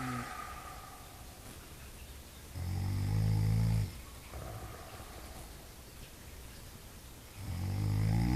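Two loud, low, rumbling snores on the in-breath, with quieter breathing between them, from a sleeping animal.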